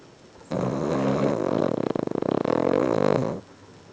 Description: おやじも驚くかきっぷり！